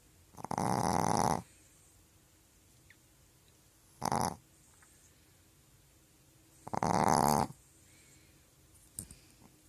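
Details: Loud rattling snores from a sleeping dog, spaced a few seconds apart with quieter breathing between; dog snoring.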